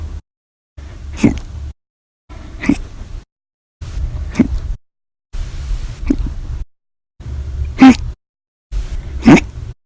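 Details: Six abrupt gulping hiccups about every 1.5 seconds (roughly 40 a minute), audio only, from violent, loud hiccups.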